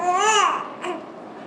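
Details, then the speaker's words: Short, voiced infant cry with a rising-falling pitch, the Dunstan baby-language "neh" word for hunger, said to come from the sucking reflex of the tongue on the palate; infant hunger cry. "that's a word for Hunger within the the cry there's actually a word that they're saying"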